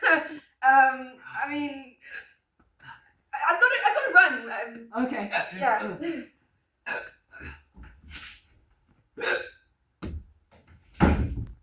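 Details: Acted hiccups in a comedy sketch: speech followed by repeated short, abrupt voiced gulps after a character drinks a drink that was possibly spiked.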